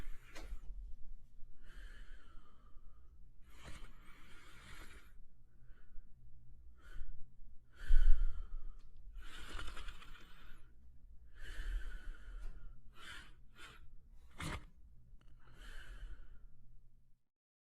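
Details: Sleeping French Spaniel dog breathing with soft, airy snorts and snuffles, a gentle snore on in-breaths: snoring.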